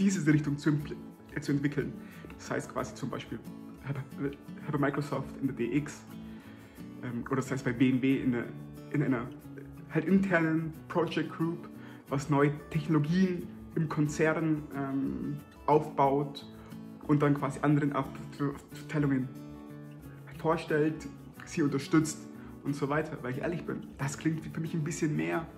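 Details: Adult German-speaking man who stutters; stuttering.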